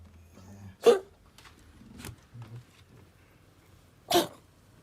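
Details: Cat with a strange, apparently painful cough: two harsh, abrupt hacking bursts with weaker catches between them and no voice, a dry cough.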